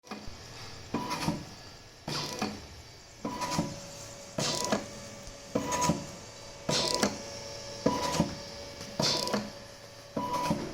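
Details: Low-cost portable mechanical ventilator running normally: regular mechanical whirring cycles with a faint hum.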